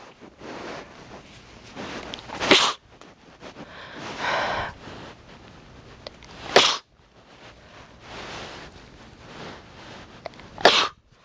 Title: sneezing fit